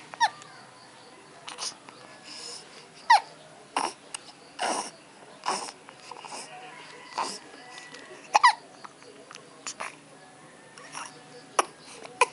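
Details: Infant's first hiccups, with mother nearby: short, sharp catching sounds recur every few seconds amid soft fussing and quiet room noise.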